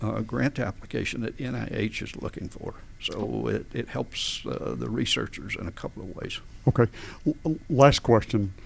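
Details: Adult man with adductor spasmodic dysphonia since about 1999-2000, in which vocal folds spasm and slam together and don't release, so speaking takes extra effort and feels strangled; treated with botulinum toxin injections; adductor spasmodic dysphonia.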